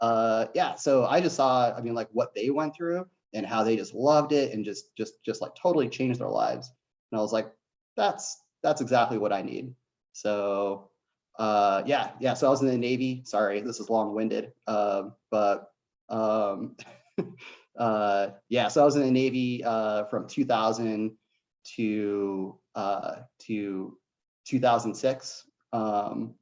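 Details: Stuttering in an adult male, self-reported as "a bit of a stutter", heard while speaking.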